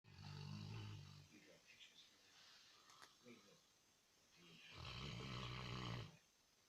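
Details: Tired Saint Bernard sleeping: two loud, low, rattling snores with a quieter breath between them, ordinary dog snoring.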